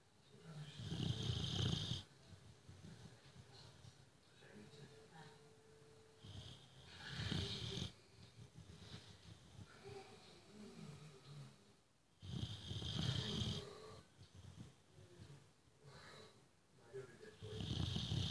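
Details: Sleeping boxer dog that snores every day: loud, rattling snores on each breath, about 10 a minute.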